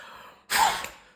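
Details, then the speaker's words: Asthma monitoring with a peak flow meter, one of three morning and evening exhalations: a single sharp, forceful breath out, with the reading in the green, normal zone; peak flow forced exhalation. "тепер щодня зранку і ввечері ми робимо по три видоха і ми можемо бачити мій показник знаходиться зараз в зеленій зоні все нормально"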